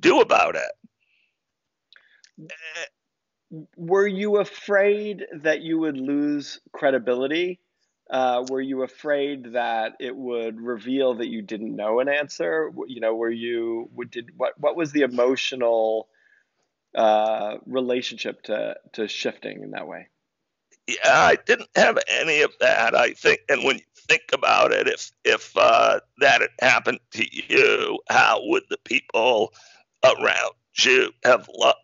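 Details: Man diagnosed in 2012 with spasmodic dysphonia, a rare neurological speaking disorder causing partial voice loss and communication difficulty, still audible; real speech showing spasmodic dysphonia.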